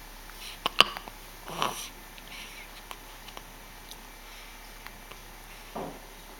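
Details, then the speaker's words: Hiccups: a few brief, sharp hiccup-like jerks in a quiet room, with faint rustling between them. "You have the hiccups."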